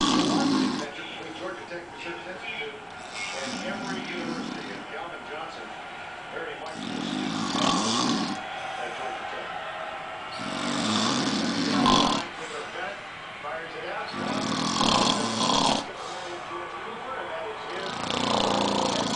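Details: Loud, rough snoring bursts recur about every 3–4 seconds over a noisy room background; a man snoring in the middle of the day, who later denied falling asleep.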